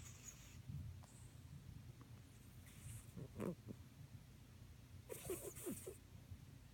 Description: Yeah just my cat snoring.